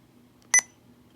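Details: Sapphire IV infusion pump being programmed for a dose rate in micrograms per minute and infusion time during an ambulance in-service: a single short, high double beep over quiet room hum confirming a touchscreen keypress.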